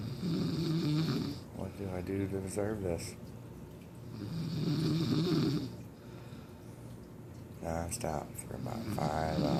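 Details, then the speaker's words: Adult woman, sister-in-law, asleep at night, heavy rough rattling snoring with loud snorting, gurgling bursts on each breath, likened to a chainsaw or grizzly bear: loud snoring. "who can sleep in the house when I got somebody [ __ ] snoring like a [ __ ] chainsaw well let me show you all night long that's over here all night long as the grizzly bear sleeps holy [ __ ]"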